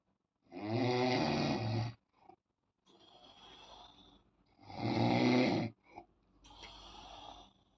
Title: Noise Snoring on bed Time. MAK 040523